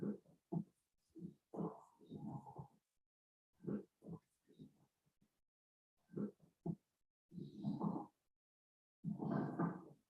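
Low-pitched, rough, grunting extra sounds recur with each breath, in early inspiration and throughout expiration.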